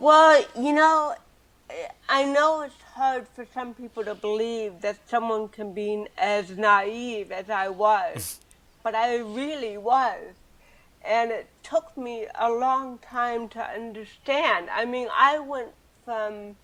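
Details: Adult woman with cerebral palsy since birth, dysarthria (cerebral palsy).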